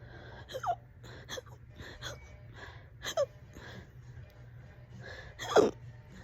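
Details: Fast, loud hiccups, several sharp voiced breathing catches irregularly spaced over a few seconds with faint background hum; ongoing for about 30 minutes and on and off all day.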